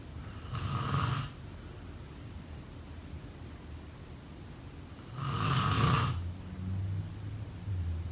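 Two low, rattling snores on inhaled breaths, several seconds apart, over faint room hiss. Ordinary snoring.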